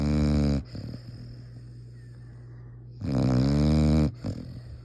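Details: Raider snoring: two loud, deep, buzzing snores a few seconds apart with quieter breathing between them.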